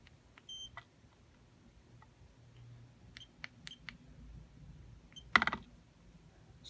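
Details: Dental curing lights for composite fillings, cheap Chinese units versus premium lights, being tested with an output meter: short scattered electronic beeps and button clicks in a quiet room as a curing light is switched through its modes.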